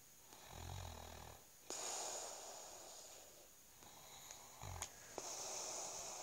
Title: Husband snoring.